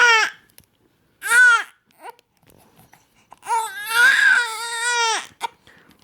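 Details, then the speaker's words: Infant boy, drooling and possibly starting to teethe, crying in wailing, tonal bursts with pauses while upset by repeated hiccups; an ordinary fussy cry. "you having a cranky day no just hates those hiccups"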